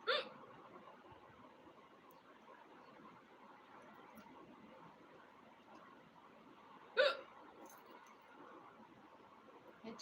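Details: Woman having hiccups at home: two sharp hiccups about seven seconds apart over faint room noise; hiccups.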